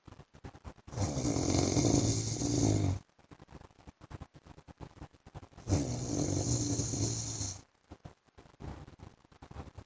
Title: PART 1 FOR SLEEPING WITH MY HUSBAND'S SNORING SOUND